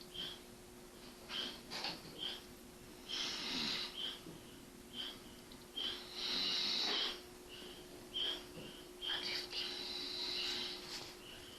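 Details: A person snoring in sleep: soft, breathy, hissing snores with a faint whistle, about 18 a minute, over a steady room hum.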